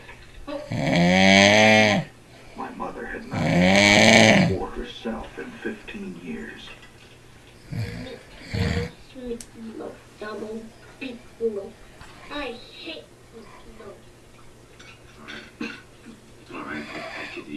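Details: Adult man snoring during sleep; two very loud, long groaning voiced snores, then softer irregular snorts and murmurs, likened to a cow giving birth.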